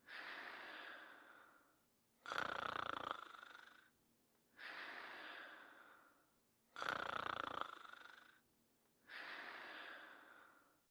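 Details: Cartoon dog character sleeping: slow, even breaths alternate with louder rough snores, about 13 breaths a minute.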